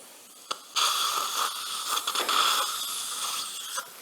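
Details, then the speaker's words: Implant osteotomy in a middle-aged man's lower jaw, canine area, full-mouth surgery with immediate loading: final drill before a 4.0 x 10 mm implant, with a high-pitched steady whine and brief clicks; dental implant drill. "you can keep the autogenous bone from the drill please collect this one okay this the final drill the"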